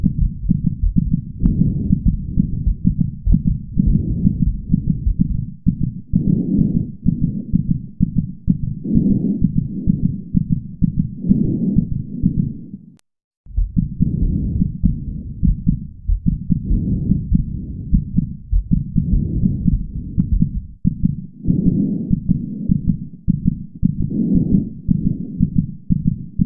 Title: twilight sparkle feeling rainbow dash's heartbeat and breathing 5